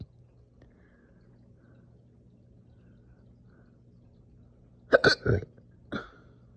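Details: Slow but very aggressive, painful hiccup-burps after breakfast: after near silence, a cluster of three sharp hiccup-burps, then one more a second later.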